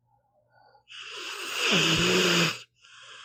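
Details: Snoring in a sleeping pit bull dog, audio only: one long, rough snoring breath with a fluttering, slightly whistling tone, then quiet breathing.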